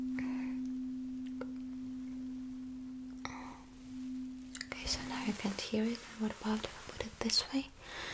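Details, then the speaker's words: Simulated Rinne hearing test in an ASMR cranial nerve exam role-play: a tuning fork behind the ear, then moved, hums steadily and fades, followed by soft taps. "So you will simply let me know uh when you stop hearing the sound."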